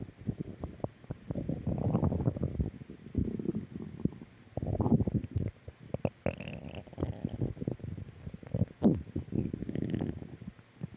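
Low rumbling and gurgling bursts come and go throughout, typical stomach growling from gas and fluid moving through the gut.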